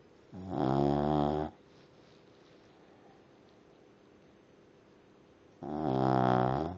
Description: Looking after my mothers dog, Charlie. He snores.